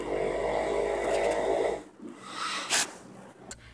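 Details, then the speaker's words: Loud, rough snore from a viewer's loved one that changes in tone and intensity, then whistles and breaks into sharp gasping bursts as if fighting for breath; an expert suspects obstructive sleep apnea. "LISTEN CAREFULLY TO THIS SNORE. HEAR HOW IT CHANGES IN TONE AND INTENSITY AND THEN THERE'S A WHISTLE. THAT'S CONCERNIN THIS SNORE IS VERY TELLING."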